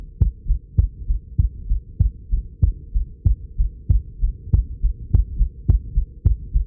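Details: Self-recorded heartbeat, strong and quick at about 100 beats a minute, each beat a sharp thump with a softer second sound; pounding very hard, made nervous but not dizzy; slowed to 95 after recording: rapid forceful heartbeat (tachycardia).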